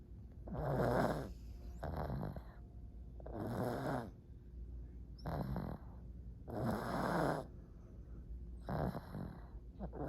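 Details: Pug snoring: rough, rattling snores with snorting every one to two seconds, about 35 a minute, loud and regular; heavy snoring.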